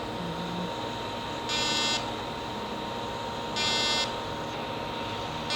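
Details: Fractional laser resurfacing with a 0.3 mm dot handpiece on a patient's neck, treating hypopigmented scar margins from wound healing after cellulitis: two short, high buzzing pulses about two seconds apart over room hum.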